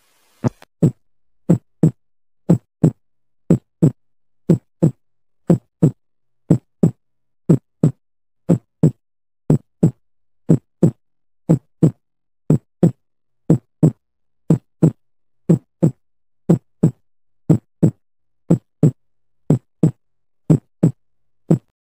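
Steady lub-dub heartbeat at about 60 beats a minute, clear paired first and second sounds, regular rhythm.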